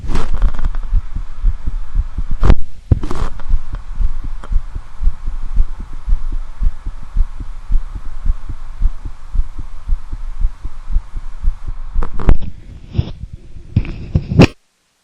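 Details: Adult male's own real heartbeat, self-examined shirtless with a standard stethoscope: steady, regular low heart thumps with brief scraping from the chest piece moving.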